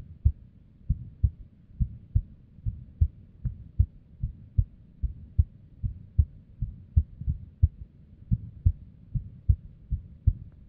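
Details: Female's unstable resting heartbeat with arrhythmia and abnormal beats, recorded with a simple microphone or headphone: uneven spacing between beats, some early or dropped, giving an unpredictable rhythm.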